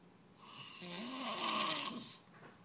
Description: My dad snoring super loud! So I made his face look funny while he decides to snore!